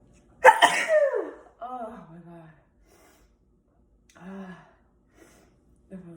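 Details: Single ordinary sneeze: one forceful explosive sneeze with a sharp burst of air, followed by a few quiet voiced sounds.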